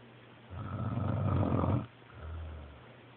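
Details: Snoring: one long, low, rattling snore on the in-breath, then a softer breath out, over a steady background hum.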